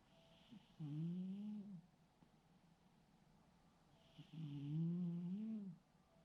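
Two low, tonal, drawn-out snores on breaths in, evenly spaced, with quiet pauses between. A sleeping cat snoring.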